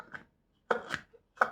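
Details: Morison manual breast pump demonstrated off the body: short plastic clicks and squeaks as the handle is squeezed and released, building suction pressure.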